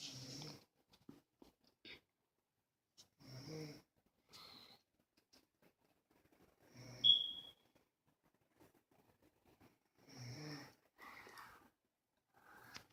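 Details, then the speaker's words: Short, raspy snorting snores recurring every few seconds, with whistly breaths between, in a quiet room: Bear, a dog, snoring. "I did over here it's a bear snoring"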